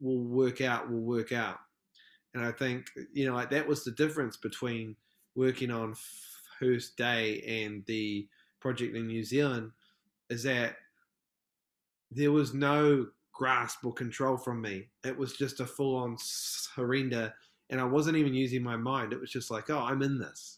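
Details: Adult male film director from New Zealand, a self-described proud person who stutters, heard in podcast interview speech: stuttering.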